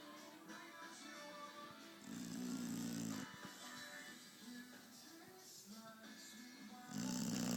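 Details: Beagle asleep in his chair: rough, rumbling snores rising and falling with each breath over background music; snoring during sleep.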